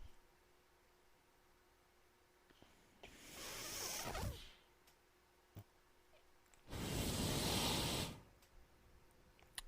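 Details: The podcast host's own mechanical ventilator, heard while he records his podcast: two rhythmic rushing bursts of airflow about four seconds apart, separated by quiet pauses, with faint room noise; ventilator breath cycles.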